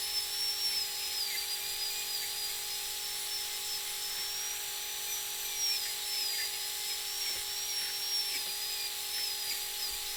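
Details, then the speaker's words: Training simulator, surgical extraction: steady high-pitched whine of a dental drill sectioning a three-rooted tooth into single-root fragments, leaving two roots and one root. "Now we've sectioned the teeth. We've got two roots here and one root here."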